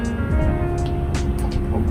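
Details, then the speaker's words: Normal fetal heartbeat on Doppler at 25 weeks of pregnancy during a prenatal visit: rapid rhythmic whooshing pulses with steady background music. "정상이에요. 괜찮고."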